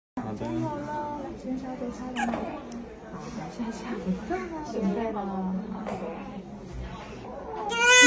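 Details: Newborn baby crying at vaccination injection: rising, strained wails while an adult soothes nearby; the cry grows louder and sharper toward the end.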